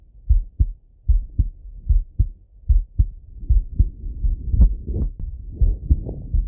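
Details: Male heart auscultated with a stethoscope, recorded partly sitting at a desk and partly lying in bed: low, regular double thumps about 75 a minute, some rubbing noise later; normal heart sounds.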